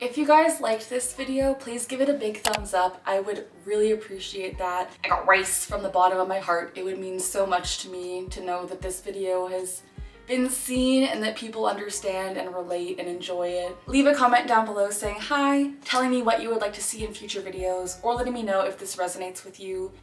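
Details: Vocal tic in a 26-year-old woman diagnosed with Tourette syndrome at age 12; her tics include phrases such as "I got rice" and "JT Miller", plus grunting and barking.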